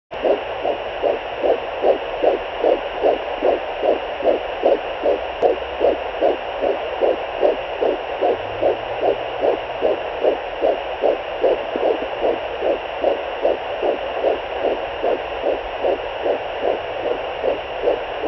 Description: baby's heartbeat at 12 weeks